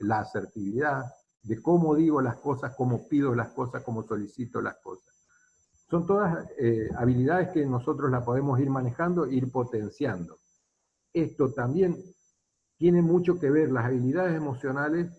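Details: Adult man speaking Spanish; normal speech.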